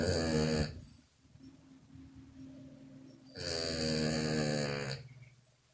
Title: Snoring Puppy Wakes Herself Up